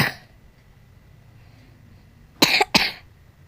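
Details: Two sharp, dry coughs in quick succession after a short silence, faint room hum; someone coughing repeatedly while playing Roblox; cough.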